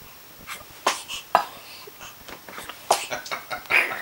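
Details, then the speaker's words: Hiccups: several abrupt, sharp little catches of breath spaced about a second apart in a quiet room. "Have you got the hiccups? Ooh. Ooh. Ooh."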